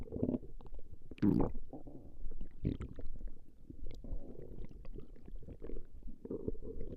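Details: Recording of a woman's stomach growling: continuous low rumbling and gurgling with louder bubbling surges as gas and fluid move through the bowel; normal bowel sounds (borborygmi).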